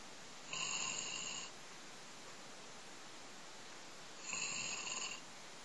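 Two high-pitched, whistling breathing sounds about four seconds apart over steady room hiss, a thin whistling snore.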